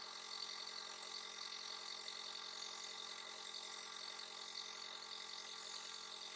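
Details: Nebulizer breathing treatment given to a little one who is coughing and sneezing: a steady mechanical hiss with a faint, fast pulsing hum.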